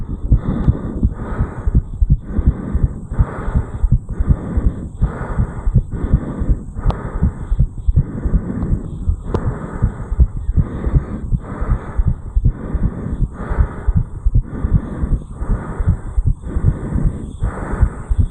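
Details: 34-year-old male, heartbeat recorded at the mitral area after jogging up a flight of stairs; strong, rapid, regular pounding beat around 100 per minute: sinus tachycardia after exercise.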